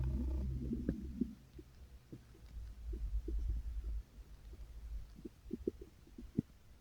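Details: Stomach growling (borborygmi) recorded by the person themselves: a low gurgling rumble at first, then scattered soft bubbling pops from the belly, with the recording cut short.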